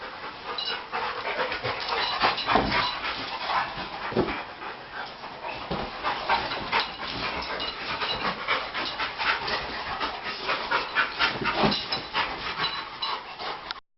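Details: Dogs puffed out after playing, fast loud rhythmic panting at roughly 240 breaths a minute; normal heavy breathing after exercise.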